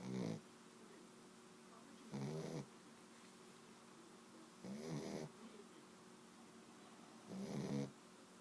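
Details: Sleeping pet snoring: four rattling snores with quiet gaps between, about 25 breaths a minute.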